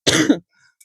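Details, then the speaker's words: Adult woman who is losing her voice: a single short, rough throat-clearing burst with a cough-like onset. "Mais bon bref, je suis désolée si vous m'entendez pas très bien, c'est que j'ai une petite voix en ce moment."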